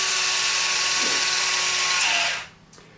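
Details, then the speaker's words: EZ-IO powered intraosseous needle insertion demonstration for a pediatric patient, leg stabilized with gentle pressure: steady high-pitched drill whirring for about two seconds, then stopping once the release or pop is felt. "you want to stabilize the patient's leg and insert the easy io using a gentle pressure and recognizing that the rotary action of the drill will actually start to set"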